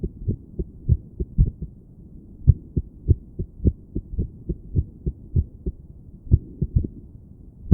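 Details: Muffled heartbeats with uneven spacing, pauses and clustered beats, self-recorded through a stethoscope by a woman sitting on her bed trying to breathe slowly and relax; irregular heartbeat.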